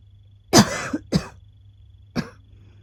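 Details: Adult woman with asthma, woken from sleep by coughing: three harsh coughs, the first longest with a rough trailing tail; asthmatic cough.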